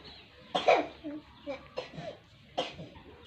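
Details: Cough: three short, sharp coughs from an infant with soft fussing between them, during baby massage for a long-lasting cough.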